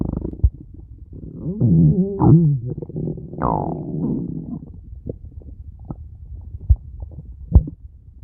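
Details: Stomach growling: gurgling rumbles with gliding squeaky tones, then quieter pops and clicks, ordinary bowel sounds (borborygmi).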